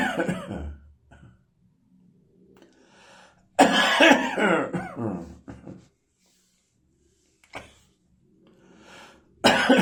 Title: Tickly Summer Morning Cough.